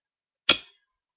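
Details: Vocal tic (throat clicking), involuntary, in a person with diagnosed Tourette's tic disorder, tics beginning 2-3 years ago.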